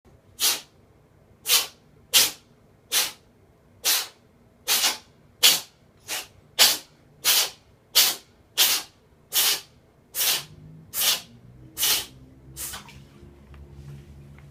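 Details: Cat sneezing about 17 times in quick succession, each a short, sharp, hissing burst.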